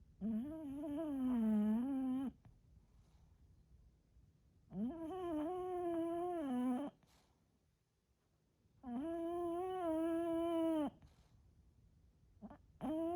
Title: BULLDOG SNORES….what it is really like. VOLUME UP!!!!!!!!!